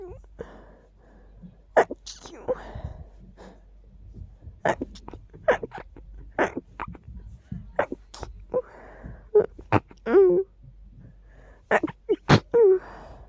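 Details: Itchy sneezes attributed to dust: a run of short, explosive sneezes with snorts and small voiced sounds between them, in a quiet room.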